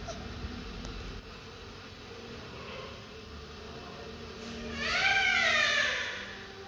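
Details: Newborn baby just after birth: quieter room noise, then a loud, rising and falling wail, a strong first cry.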